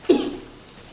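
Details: Single short, sharp cough during a spoken talk from an adult speaker recovering from pneumonia contracted in July; it fades within a fraction of a second in a quiet room.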